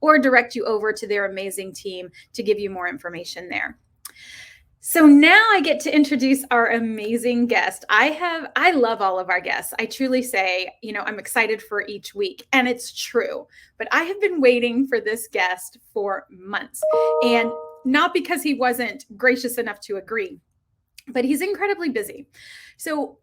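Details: Adult woman speaking; normal speech.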